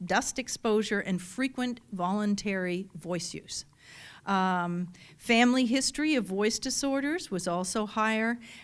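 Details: Adult woman speaking; typical speech.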